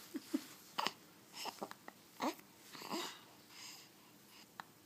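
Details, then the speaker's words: Infant girl with soft, abrupt little catches among babbling and breathing sounds; she reportedly gets hiccups every day; hiccups. "you're using your hands and you still get those hiccups every day every day you get to hiccup yes you do hiccups yep"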